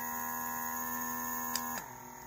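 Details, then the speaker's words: Steady electric motor hum of a baby electric nasal aspirator shifting to a lower, quieter tone after a click as the nose-mode suction strength (three levels) is changed: electric nasal aspirator motor. "Dan kalau kita mau tingkatkan kekuatannya untuk hidung tinggal kita naikkan kekuatannya dari sini"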